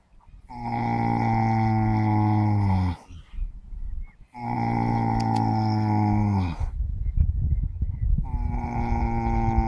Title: Horse Snoring Loudly! Super Cute!